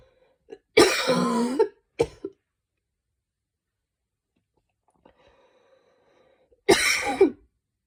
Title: tried some breathing techniques to cough the mucus out, turned barking instead :/